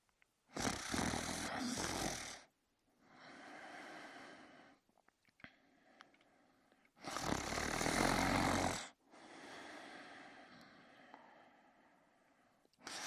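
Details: Loud, harsh rattling snores on breathing in, alternating with quieter breaths out, about five breaths a minute over two cycles; a man snoring while asleep in bed.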